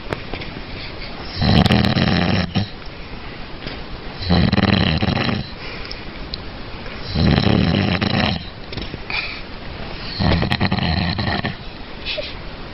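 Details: Loud snoring with bubbles in the nose: rough snores about every three seconds, roughly 20 a minute, with a bubbly nasal rattle between them.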